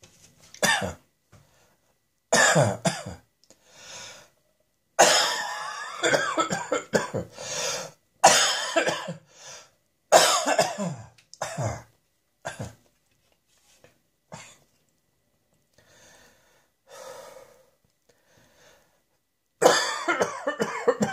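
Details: Harsh, dry coughing: repeated bouts with quiet breaths between, no rattle or wet sound.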